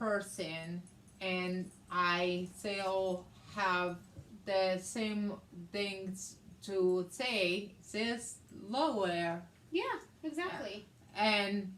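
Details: Woman with aphasia, also affecting reading and writing, and right-side hemiparesis after a hemorrhagic stroke on May 19, 2020 treated with brain surgery; aphasia.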